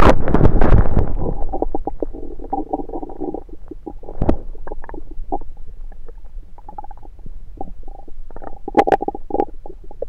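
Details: Bowel sounds recorded over own abdomen with a USB stethoscope: irregular gurgling and rumbling bursts with a loud rumble at the start; active bowel sounds, stomach rumbling.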